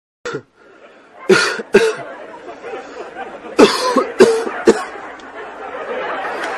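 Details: Several sharp, explosive bursts like coughs or sneezes, about five, with laughter and room chatter behind; humorous sneezing clip.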